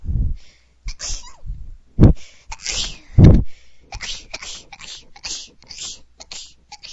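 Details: Person sneezing like a bunny: a run of small, quick, squeaky sneezes in close succession with breathy intakes between.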